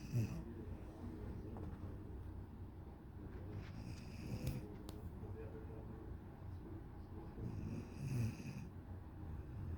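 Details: 1-year-old dog sleeping against owner, snoring: low rumbling snores, two louder ones standing out over steady soft breathing noise.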